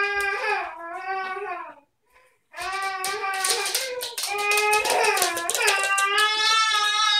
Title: Crying For No Reason